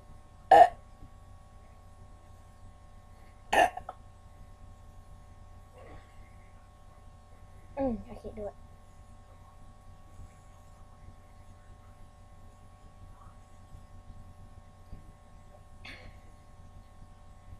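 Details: During a burping challenge after drinking a cup of Coke: two sharp, abrupt throat sounds about three seconds apart, then softer gulping noises in a quiet room with steady hum; hiccup-like spasms.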